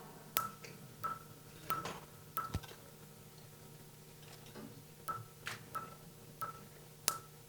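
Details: Sharp snapping clicks, some with a brief tone, about 90 per minute over low device hum: Fotona StarWalker Q-switched Nd:YAG laser pulses during tattoo removal on phototype 4–5 skin.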